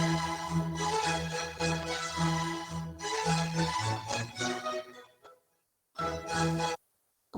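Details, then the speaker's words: Normal hearing reference from a talk on hearing in older adults: a familiar melody played unfiltered, with full bass and clear treble, as perceived with normal hearing. "esto es como lo percibimos normalmente o como se percibe normalmente con una audición que funcional con unos niveles adecuados para percibir estos sonidos musicales"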